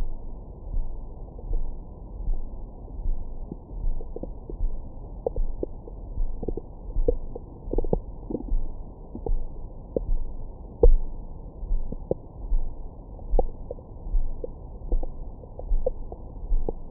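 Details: Own abdomen recorded with a stethoscope microphone after a large meal: steady low rumbling with frequent gurgles and squeaks, normal active bowel sounds.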